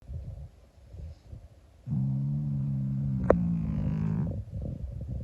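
A single long, loud, buzzing rattle on breathing in, low and steady, from a sleeping cat; snoring.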